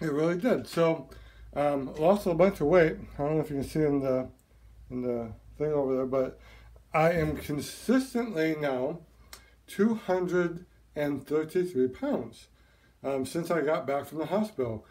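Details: Dysarthria in a male from partial paralysis of half the tongue, a complication of open heart surgery (mitral valve repair for severe prolapse with regurgitation); also swallowing difficulty needing a feeding tube; expected to resolve within 2 to 6 months.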